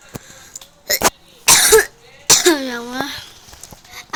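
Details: A child who says she has a cough, recorded while playing a game: a few short coughs mixed with her voice and a drawn-out vocal sound over light room noise.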